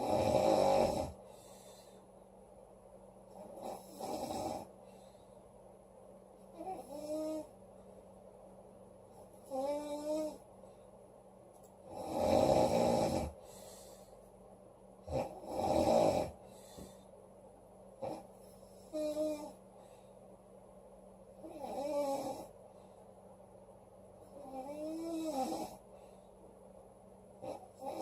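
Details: Loud snoring from a sleeping girl or woman: repeated snores about every three seconds, some rough and some with a whistling, pitched edge.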